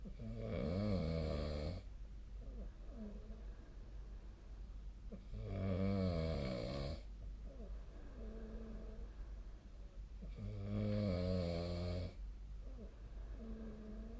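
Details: Sleep snoring recorded with a snoring app (SnoreLab): three loud, rumbling snores on the in-breath roughly every five seconds, about 12 breaths a minute, quieter out-breaths.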